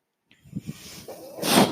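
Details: Breathing cycle of the speaker's own mechanical ventilator, which he points out while talking at the start of a podcast recording; real ventilator sound.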